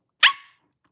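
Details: Involuntary bark-like vocal tic, which people say sounds like a Chihuahua, from an adult woman with Tourette syndrome.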